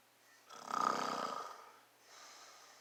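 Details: Dad snoring: one rough, fluttering inspiratory snore lasting about a second, followed by a fainter breath, in a quiet room.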